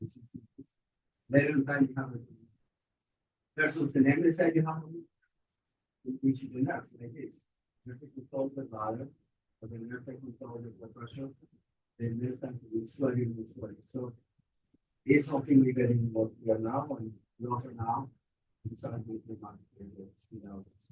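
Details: Adult male speaker; normal adult speech.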